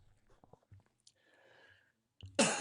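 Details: Adult male weather broadcaster with allergies during live severe-weather coverage: quiet mouth and breath noises, then one sharp, loud sneeze burst at the end.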